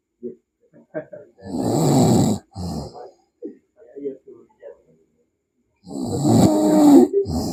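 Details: Sleeping person snoring loudly with rough, rattling breaths and short snorts and gurgles between them, over background music.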